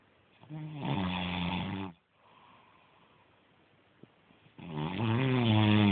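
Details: A sleeping friend snoring.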